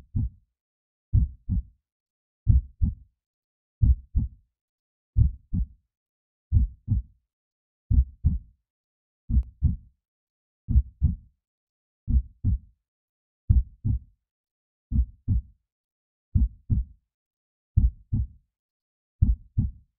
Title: 💌CALM HEARTBEAT 💌dark background with relaxing soothing rhythm*whitenoise*ASMR*deepsleep*